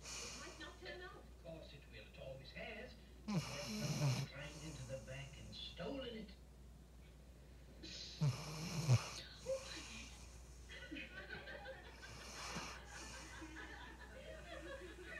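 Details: Rhodesian Ridgeback dog snoring while asleep: rough, snorting snores recurring every few seconds over steady room noise.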